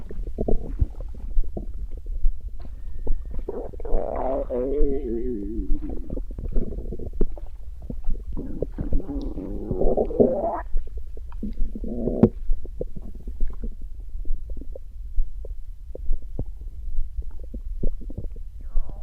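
Low gurgling, bubbling rumbles from the belly come and go with faint clicks: stomach growling, the ordinary sound of gas and fluid moving through the gut.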